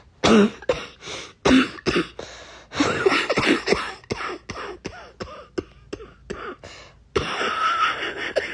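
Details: Person with a cold last week, congestion in the lungs, feeling better now: congested cough with a barking quality; wet cough.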